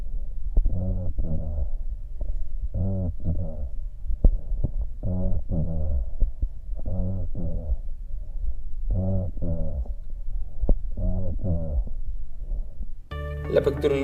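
Spoken syllables come through the chest wall loud and distinct, muffled only in the highest tones: bronchophony over lung consolidation. Brief music at the end.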